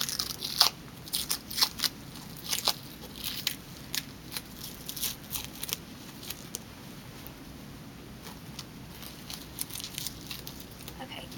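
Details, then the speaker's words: Soft crackling and peeling bursts over quiet room noise: adhesive tape being loosened from a peripheral IV catheter site during IV removal by a nursing student, with fluids clamped. "now sometimes you would leave the extension set present but for this we are completely discontinuing this patient will no longer need an IV so we can take it off completely so I'm going to go ahead and loosen all of my tape"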